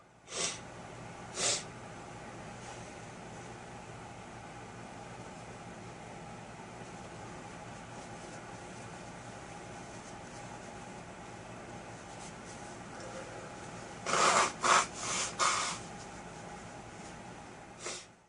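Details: Person attempting to induce sneezes: one false start, a double sneeze, and a nose blow; sharp explosive bursts, a quick cluster of four, over steady engine-like hum; repeated sneezes.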